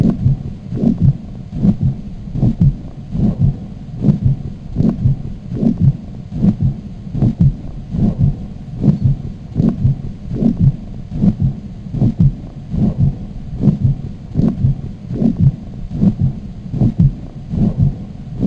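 Regular low heartbeats at about 75 a minute, with a continuous rushing murmur filling the gaps and softening the first sound: an aortic regurgitation murmur.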